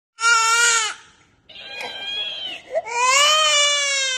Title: Cute baby crying with cactus🌵